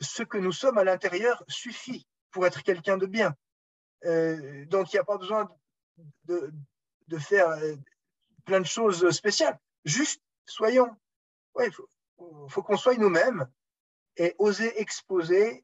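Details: Stuttering in an adult man, speaking French; he says his speech is much better than before but still stutters a little at times in French, more in English.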